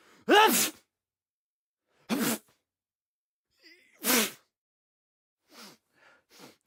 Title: HUMAN MALE SNEEZE SOUND EFFECT 1